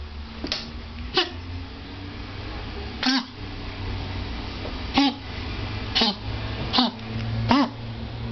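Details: Pet named Waan gives a coughing episode of about seven short, harsh, irregularly spaced coughs in a quiet room; owner says it only happens when she's stressed, e.g. told no, and she plays normally afterwards.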